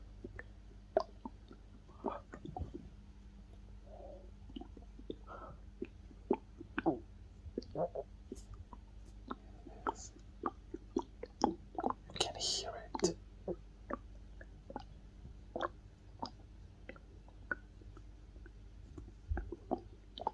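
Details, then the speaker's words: An adult man's stomach growling, recorded close to the abdomen: soft gurgles, squelches and clicks, ordinary bowel sounds (borborygmi). "Yes, that's my stomach. You are so close to it."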